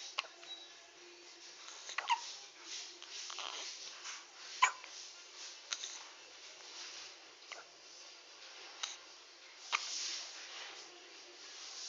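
Several brief, sharp, irregularly spaced hiccup sounds from a newborn over a faint room background.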